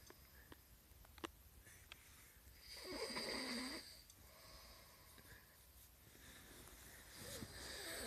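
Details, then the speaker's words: A sleeper jokingly called a dangerous "snoring beast": a single snorting, rattling snore over room noise with faint clicks, then a quieter breath; snoring. "this beast has a very very deadly store look how dangerous this creature is"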